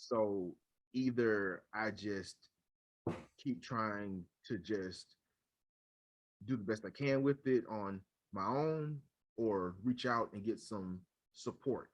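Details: Adult man who stutters, leads a local stuttering chapter and decided to seek support around age 30; stuttering.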